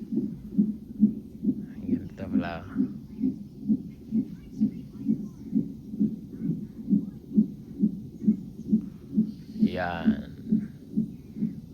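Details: Fetal monitor in a hospital before the mother's planned surgical (cesarean) delivery: fast, regular whooshing beats at about 130 per minute, with brief voices; strong fetal heartbeat.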